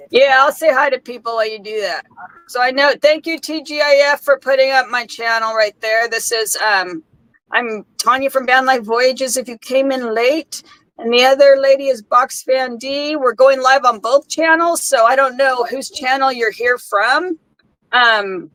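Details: Adult woman; typical speech.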